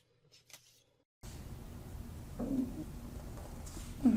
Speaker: sorry if you just heard my stomach grow my stomach is just going nuts growling